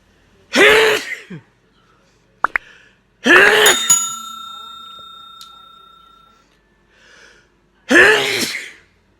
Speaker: what that's what a grown woman sneeze sounds like